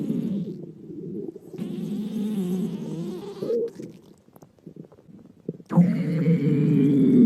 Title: お腹が鳴る女の子 A girl's stomach growling